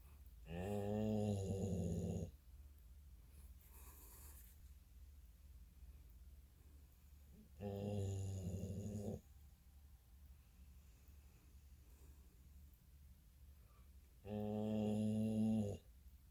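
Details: Snoring: three loud, voiced snores about 6 to 7 seconds apart, with quiet breathing between them.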